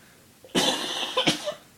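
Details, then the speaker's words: Two harsh, dry cough bursts close together, then a short throat sound, from an adult woman with a very dry throat in a quiet room; cough. "I'm sorry if you've gotten blasted out with coughing sounds I'm going to stop now because I'm very dry throated"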